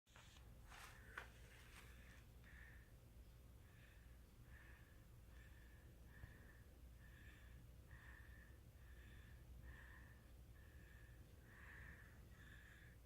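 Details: Infant with a first cough and runny nose breathes with rapid, regular snuffly sounds through a blocked, runny nose; no clear cough is heard: nasal congestion.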